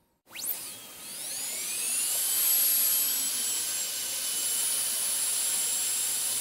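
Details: High-pitched whine that spins up quickly and holds a steady shrill tone: a dental drill running, in an ASMR sleep-sound recording.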